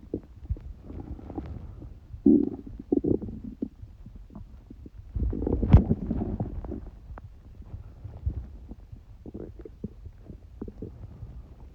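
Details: Person with a cold: low gurgling and rumbling stomach noises in irregular bursts, ordinary bowel sounds.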